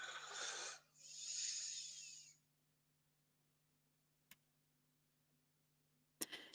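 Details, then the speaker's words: A sleeping dog, age 10 and turning 11 in January, passed out in the heat under a table: two long, raspy, hissing breaths, then a quiet pause broken by a click and a brief noise; snoring. "The sound of your dog snoring is hilarious."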